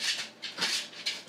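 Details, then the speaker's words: Old female dog with what her vet called "old dog cough," coughing and wheezing occasionally: three quick, breathy, hoarse huffs, fitting a mild chronic cough of old age. "dad old dog is in here and if you can hear her she's kind of coughing a little bit she's got what my what the her vet called old dog cough so occasionally she'll cough and wheeze"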